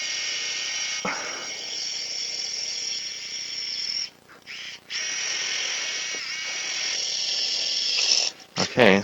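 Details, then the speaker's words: Sustained high-pitched drill whine with brief pauses, then a change in pitch; 8 mm drill boring over a guide wire through the tibia for a tunnel during left knee ACL reconstruction with hamstring graft. "and now we're going to drill over that wire with an 8 millimeter drill okay you can hold this with your right hand okay and so now we're gonna drill"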